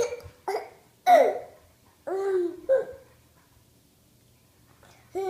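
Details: Short, sudden voiced bursts with snorting and laughter-like sounds, and several abrupt catches with pauses between, fitting hiccups; a two-year-old laughs at his dad's snorting.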